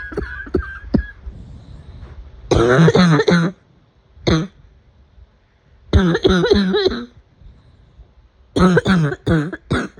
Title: Afternoon coughing fit